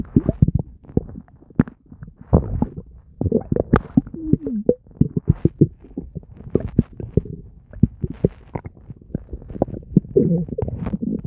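Frequent bubbling, popping gurgles and short squeaky rumbles without pause; active bowel sounds.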